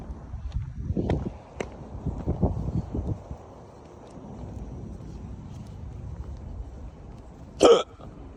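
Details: Man with repeated hiccups while walking outdoors: one sharp, abrupt hiccup over outdoor background noise and footsteps.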